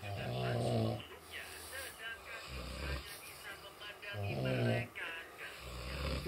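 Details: Snoring contest between two sleepers over which snore is louder; deep, buzzing snores with a low flutter over steady room noise; loud snoring.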